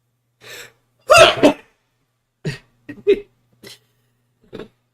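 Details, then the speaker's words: Sneeze during a live coding stream with a fan running and noise suppression on: a loud sharp breathy burst then several smaller ones, described as a funny, terrible-sounding sneeze. "sorry that was a funny sneeze"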